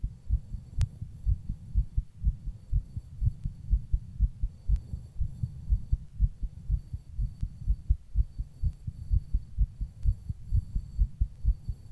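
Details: Person's own heartbeat recorded while rebreathing in a plastic bag.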